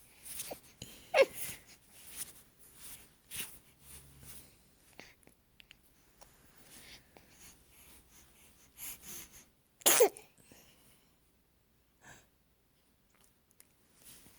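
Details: Infant girl sneezing, with a sneeze-fart combo: small quiet noises and breaths with one sharp sneeze burst; sneezing.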